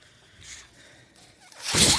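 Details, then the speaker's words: Speaker's own mechanical ventilator heard while he talks: soft hissing airflow builds into a loud rushing burst of air as the ventilator delivers a breath. "My name is. That noise you're hearing is my ventilator."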